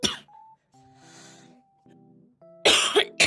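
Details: A girl gives a few short, harsh coughs, with soft tonal music and beeps between them.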